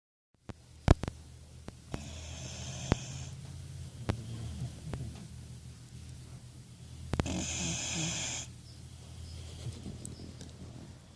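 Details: Two sleepers snoring: low, soft rumbling snores with a couple of louder hissing breaths and scattered clicks in the background.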